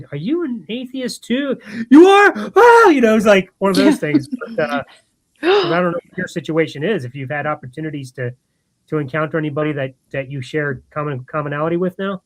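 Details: Adult speaker; no speech disorder.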